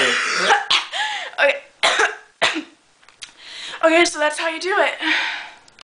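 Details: Several sharp, harsh cough and throat-clearing bursts in quick succession after a throat-clearing method for phlegm left the throat itchy, then a strained, voiced exhalation; a coughing fit.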